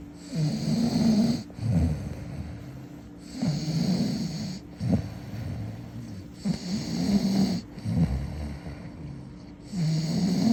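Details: Adult snoring while sleeping: deep, low rumbling snores, about 19 a minute, with a fluttering rattle on each in-breath.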